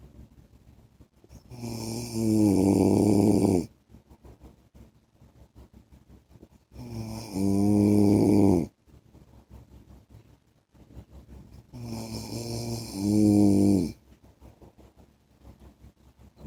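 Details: Husband's loud, rough snores on each in-breath, about 11 a minute, with quiet breathing between; ordinary snoring.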